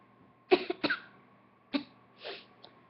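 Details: A run of four short, dry cough bursts in quick succession, with a quieter fifth sound; repeated coughing.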